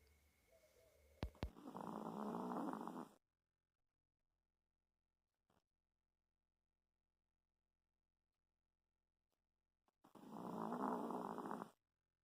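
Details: Pet dog snoring in sleep, likened to a locomotive: two loud, rough, rattling snores about eight seconds apart, separated by silence; dog snoring.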